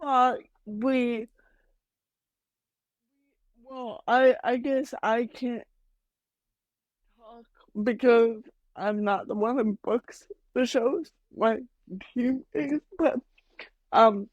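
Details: Adult woman with mild cerebral palsy that she says mainly affects her speech and motor skills, speaking in a podcast interview; dysarthria (cerebral palsy).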